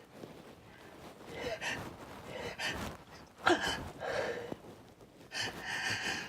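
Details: Repeated sneezes attributed to hay fever: a run of sharp, explosive sneezes, each preceded by a quick breath in.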